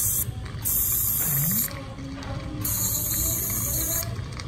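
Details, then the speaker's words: Bursts of high-pitched whining buzz from an ultrasonic dental scaler, with scraping between, as dark tartar is removed from a child's teeth; the child already has four permanent teeth. "Đây là các cái mảng bám đó, mình lấy qua xong là mình đánh bóng rồi sẽ hết. Các bạn thấy không, là cao răng rồi, đã là cao răng thì cứ 6 tháng thì lấy một lần."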